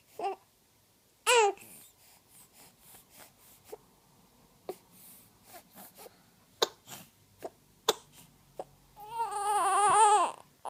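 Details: Baby girl: short infant bursts and soft breathy noises lead into a sustained, wavering wail at the end; an infant cry.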